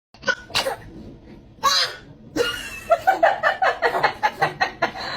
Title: Babies so cute sneeze